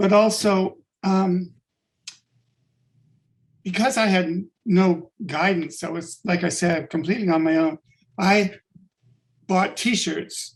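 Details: Adult-onset stuttering in a man with functional neurological disorder (FND), sudden onset five years ago on waking unable to speak with up to 20 seizures daily; speech regained but not fluency.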